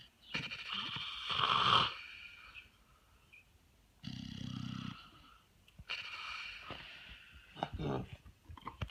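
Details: Man and dog snoring: loud, raspy inhaled snores, some high and whistling and one deep and buzzing, with quiet gaps between.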